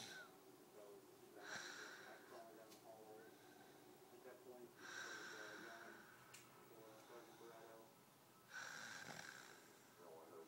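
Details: Elderly woman (grandmother) snoring in sleep: three loud rattling snores on inhalation about four seconds apart, with quieter breathing noise between them.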